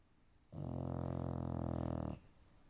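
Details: Female English Bulldog napping: a single long, loud, rattling buzz on one breath; snoring.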